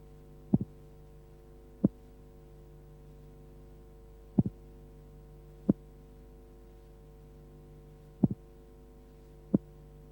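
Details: Simulated auscultation from a 1976 training film on transposition of the great arteries, played slowed down: a split first sound, then a single second sound, over a steady background hum.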